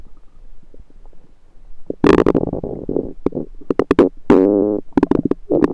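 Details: Self-recorded with a USB stethoscope on the belly: loud gurgling, bubbling rumbles with squeaky tonal stretches and clicks, active ordinary stomach rumbling; bowel sounds (borborygmi).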